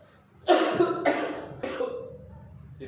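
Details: Three loud coughs in quick succession, acted in a role-played respiratory examination by a simulated 45-year-old male contractor with three days of cough, blood, thick white sputum and shortness of breath, in a quiet room.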